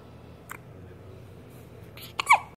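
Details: Hiccups in someone who frequently gets them: a quiet room with two short, sharp catches of breath near the end.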